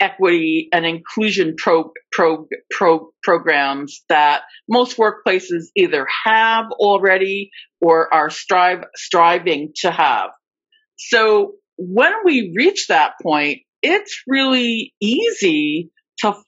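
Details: Adult woman with stuttering, a covert stutterer for more than 30-35 years; speech shows repetitions of words and parts of words; stuttering.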